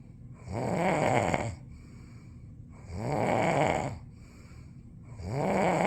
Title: Me Snoring 7